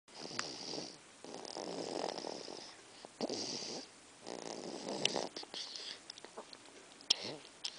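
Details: Snoring: repeated noisy breathing with a fluttering rasp, alternating with quiet gaps and small clicks.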